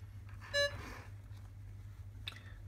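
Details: Single short electronic beep as a Masimo Rad-5 pulse oximeter switches on, in a veterinary anaesthesia equipment review, over quiet room hum.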